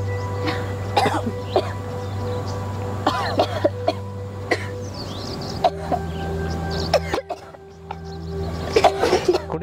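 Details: Girls coughing and sneezing during sutra neti nasal cleansing: repeated short, sharp coughs and throat-clearing bursts over steady background music.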